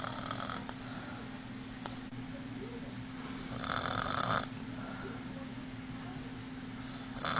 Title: Mom snoring